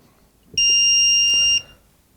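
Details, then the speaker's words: A single steady high-pitched electronic tone about one second long as an iPAD AED is switched on with its green button during a setup check to confirm it functions. "What is a good idea to do as well is just briefly just turn it on to make sure it is functioning okay and then you can just turn it off again."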